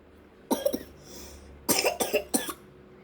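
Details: A young girl coughs suddenly while drawing: a short run of about six dry, abrupt coughs in two clusters.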